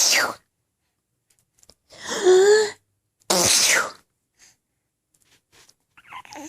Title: Laughing At Sneezes